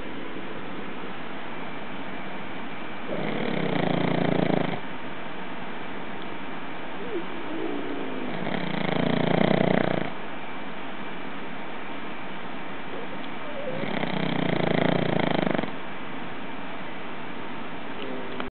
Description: this is vader snoring